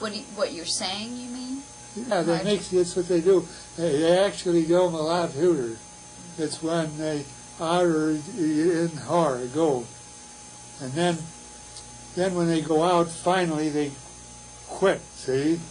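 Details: Real patient with Wernicke's (fluent) aphasia, recorded by a university physiology department; Wernicke's aphasia.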